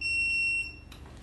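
A steady high-pitched electronic beep lasting about half a second, then a soft whirr: an oxygen concentrator's normal start-up alarm on switching on.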